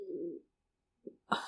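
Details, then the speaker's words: A 10-and-a-half-year-old dog sleeping under a desk after five hours at doggie daycare during a heat wave: low, rough, rumbling breath sound, then a brief snort and a short noisy puff, snoring. "i guess it's not mattering you can hear her snoring so it's cool she had a a a rough y'all rough rough rough five hours at doggie daycare"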